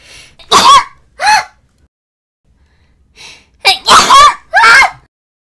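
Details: Acted, exaggerated sneezes in a character voice, not the uploader's own sneezing: two short voiced bursts, a pause, then three louder rising-and-falling vocal bursts; imitated sneeze.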